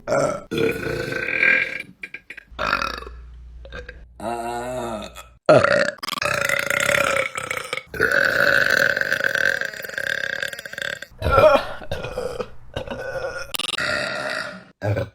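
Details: Several loud, drawn-out voiced belches one after another, some long and rumbling, with short pauses between them; repeated burping.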